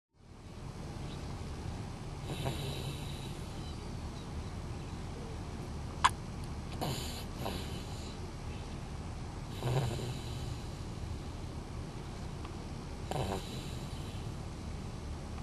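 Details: Man snoring during sleep after a long day: low rumbling throughout with several louder snorting breaths a few seconds apart.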